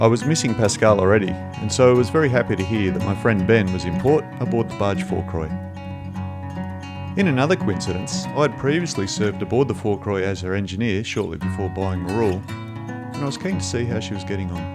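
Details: Adult male speaker; normal speech.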